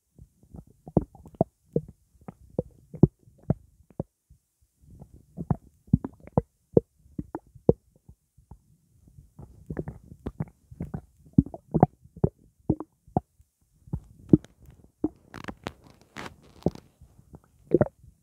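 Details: Stomach after drinking blackcurrant juice: irregular bubbling gurgles and soft sloshing pops; ordinary digestive gurgling (borborygmi).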